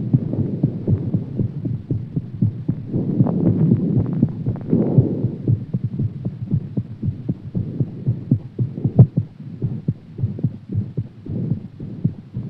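Fast, thudding heartbeat around 110–120 a minute under a low hum; a quick pulse after exercise.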